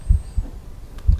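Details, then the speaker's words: Stethoscope at the pulmonary area, second left intercostal space, during an undergraduate cardiovascular examination demonstration with breath held: low lub-dub heart sounds, one full beat and the start of the next. "now i have to listen for the pulmonary area which is located at the second intercostal space at the left side"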